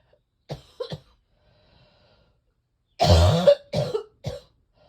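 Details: Several deep, low coughs, one long and harsh with a rattling quality: a congested chest cough in a person whose chest feels like cement, desperate for the congestion to break up.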